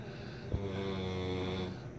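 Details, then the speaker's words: Sleeping man snoring: a single loud buzzing droning snore over a second long, starting with a snort; heavy snoring. "This motherfucker. Sounds like a goat fucking a sheep."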